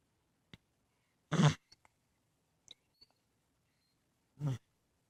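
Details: Dog hiccups: two abrupt, brief gulping bursts about three seconds apart with faint clicks between, in a quiet room.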